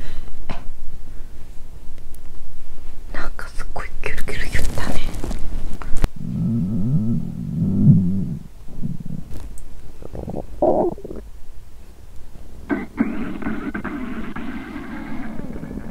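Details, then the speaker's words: Self-recorded abdomen via microphone after fasting over 17 hours, feeling hungry, with pre-period stomach pain; close-miked rustling then low drawn-out rumbling gurgles; hunger stomach growling (borborygmi), a normal bowel sound. "इस समय, मैंने 17 घंटे से अधिक समय से कुछ भी नहीं खाया है। "आह ~, मुझे भूख लगी है ~"।"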